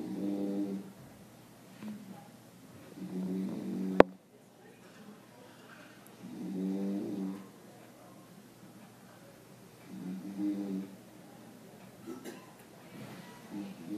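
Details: Low buzzing snores about every three seconds, roughly 20 a minute, with a sharp click near the start, from an unidentified sleeper in a quiet reading room (possibly a man or a woman nearby); snoring.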